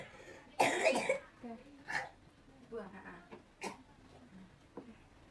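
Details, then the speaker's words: Child with asthma being taught effective coughing: after drinking warm water, sitting and taking five deep breaths, one firm forced cough to clear phlegm, then quiet voices and breaths; voluntary effective cough. "Tarik nafas dalam sebanyak 5 kali. Nanti yang terakhir baru dibatukkan."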